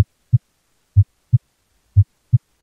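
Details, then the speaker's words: Normal heartbeat, shown for comparison with murmurs: steady lub-dub at about 60 a minute, clean paired sounds with no extra noise between them. "well a heart murmur is just a sound that your cardiologist or your doctor hears when they listen to your heart with a stethoscope here's what a normal heartbeat should sound"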